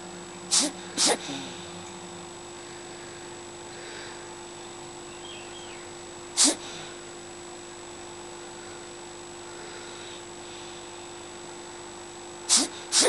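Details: Sleeping cat, Odin, sometimes seems to gasp for air: brief, sharp, sneeze-like gasps during sleep, mostly in pairs, separated by long quiet stretches.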